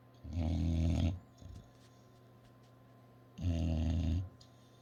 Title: English bulldog snoring❤Angol bulldog horkol❤